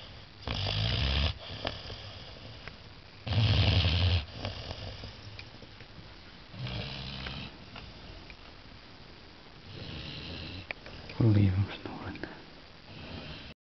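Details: 14-week-old Saint Bernard puppy asleep after a long day of play: low rumbling snores with each in-breath, about five in fourteen seconds; puppy snoring.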